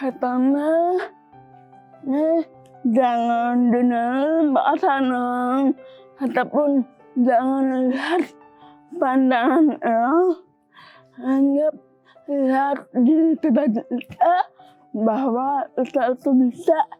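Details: Young woman with cerebral palsy from birth; could not speak at first, improved after therapy; dysarthria in cerebral palsy.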